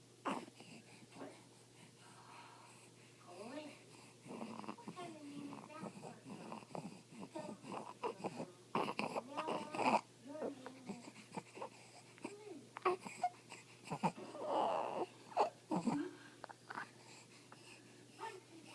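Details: Infant's noisy, harsh, pitched breathing with fussy vocal noises: stridor from a narrowed upper airway.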